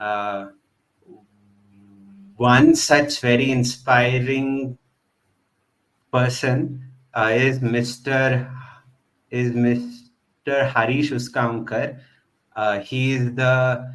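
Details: Real, self-identified stuttering in a male podcast host who stutters and belongs to a stammering association; finding: stuttering.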